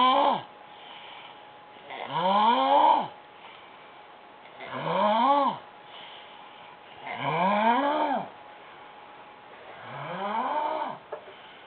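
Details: Woman asleep on a futon snoring loudly: regular snores with a rising, groaning tone on each breath in, about five over twelve seconds, quieter breaths out between.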